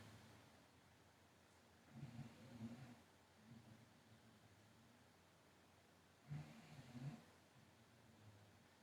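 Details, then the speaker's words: Dog snoring while resting in its crate: low, rumbling snorts, two louder ones several seconds apart with a softer one between, over faint room hum. "y'all hear that my dog is snoring over there in the crate"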